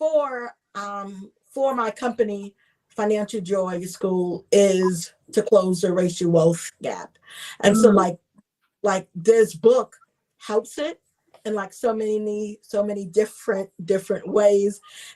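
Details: Adult woman, a self-identified stutterer who is also a traumatic brain injury survivor, with stuttering: she gets stuck on words and repeats words.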